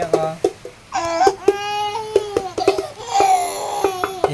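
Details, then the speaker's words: Rhythmic wailing cry from a baby just woken from sleep, with clapping and adult chatter nearby before being given milk; ordinary infant crying. "Iyak ka ng iyak ah. Kagigising mo lang iiyak ka na naman."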